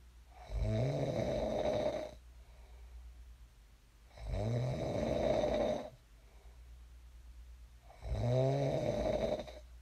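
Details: Sleep snoring recorded for ASMR: three low, rattling inspiratory snores, about 17 a minute, with quiet exhalations between; ordinary snoring in a sleeper who later woke up.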